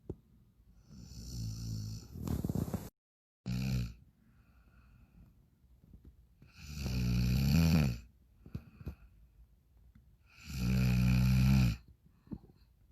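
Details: Loud, deep, rattling snores about every four seconds, with quiet pauses between breaths; heavy snoring.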